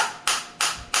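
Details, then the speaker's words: Sharp, loud snapping pulses at about three per second from a focused (not radial) extracorporeal shockwave therapy device for plantar fasciitis and heel pain, fired against the operator's own hand as intensity is raised. "तो जैसे ही मैं इस पर click करूंगा आप देख सकते हैं मैंने क्लिक किया ये स्टार्ट हो गया।"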